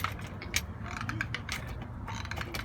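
Rapid, irregular scraping and clicking from teeth grinding hard against each other, with low room rumble behind.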